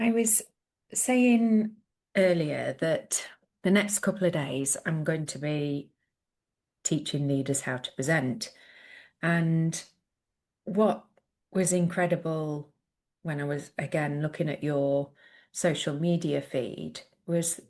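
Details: Adult woman speaking; typical speech.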